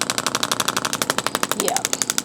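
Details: Rapid, regular clicking pulses from a radial shockwave handpiece treating a tight, tender deltoid trigger point for shoulder pain. The patient rates the discomfort about 6, and faint talk is in the background.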